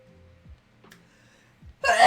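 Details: A single sneeze from an adult who says they are very allergic to cats and that ragweed pollen is high.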